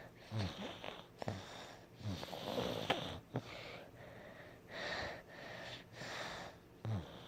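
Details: A sick, stuffed-up sleeper whose snores are interrupted by mouth breathing, during a quieter moment than earlier that afternoon: soft, snorting snores with whistly, congested breathing in a quiet room; snoring.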